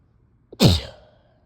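One sudden, wet, explosive sneeze after a brief intake of breath.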